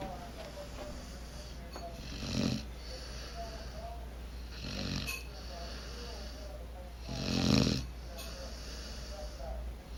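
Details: Black Labrador/border collie mix puppy snoring while asleep with his eyes open, April 2014: soft snuffling snores, three breaths over ten seconds, faint background talk; harmless puppy snoring.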